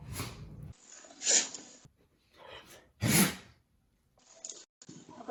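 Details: Dog: two sharp, explosive sneezes with snuffling and quiet breathing between them; sneezing.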